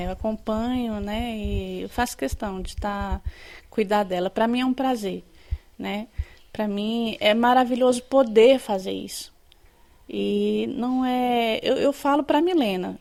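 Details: Adult woman speaking Portuguese; ordinary speech.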